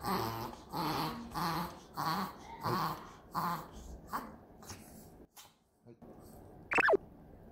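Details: Rescued small Chihuahua dog's sudden paroxysmal cough of unknown cause, like hyperventilation: a rapid run of harsh, honking coughs that fade out, then a brief whine; it settled soon with stroking.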